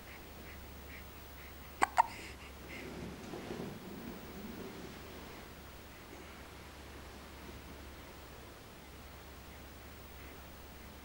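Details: Baby girl with hiccups: two quick, sharp hiccup bursts close together against a quiet room hum, then soft stirring; infant hiccups.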